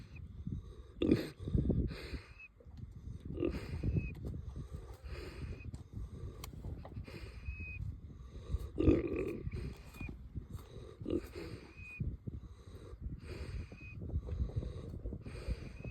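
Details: KuneKune boar snoring with whistling: repeated low grunting snores, each ending in a brief high whistle, roughly one every two seconds.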